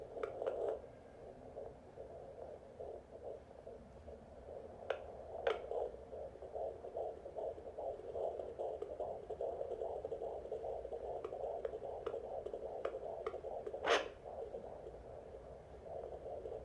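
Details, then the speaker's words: Fetal heartbeat on a home Jumper JPD10056 fetal Doppler, mother lying flat: fast galloping whoosh-thumps around 150/min with probe scrapes, distinct from the slower maternal pulse. "So if it's slow and like a, then that's mine. And then if it's like galloping, it's babies."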